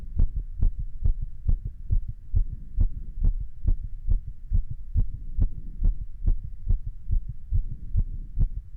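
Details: Normal heart sounds.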